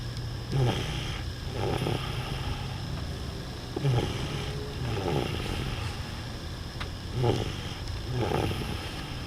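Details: Dog snoring while asleep in a car: soft, rhythmic snorting breaths, about 18 per minute, over a steady engine hum.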